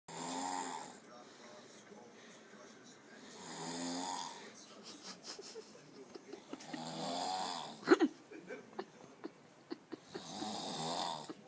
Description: My best friend snoring frickin loud